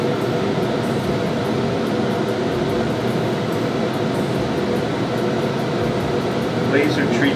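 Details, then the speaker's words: Steady, loud rushing hum of a suction unit running to clear vapors during laser treatment in an ingrown toenail re-do procedure on the toe under local freezing. "everybody's got goggles on which is good this is a this is a suction unit it sucks away the vapors when I use the"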